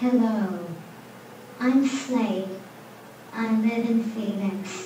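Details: Young boy diagnosed with apraxia, a speech-planning disorder causing frustration; the voice may be his own or an AAC communication device; childhood apraxia of speech.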